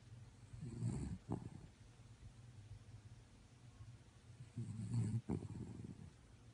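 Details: A Chihuahua snoring in sleep: two rough, rumbling snores about four seconds apart, each ending in a short snort.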